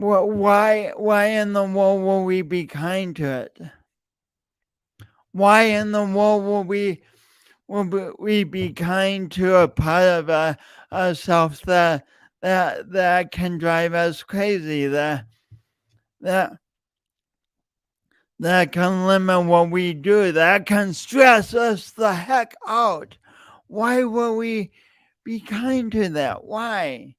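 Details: Real, self-reported speech impediment in an adult male since junior high and high school, still present and heard whenever he speaks; stuttering (speech disfluency).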